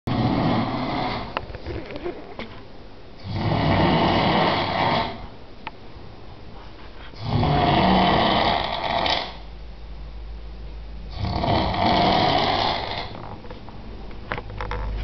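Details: Massive snoring from a man: loud, rattling snores recurring about every four seconds, roughly 15 a minute, like sawing wood.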